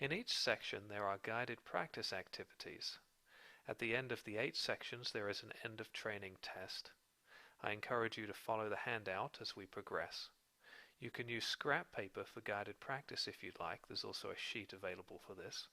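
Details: Adult man narrating; typical speech.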